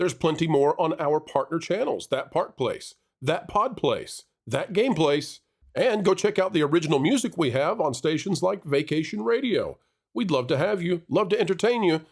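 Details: Adult man; typical speech.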